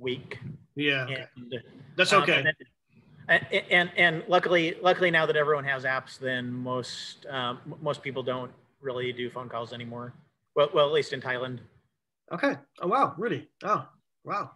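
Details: Male who says he has cluttering, telling a story with fast speech, repetitions and fillers; finding: cluttering.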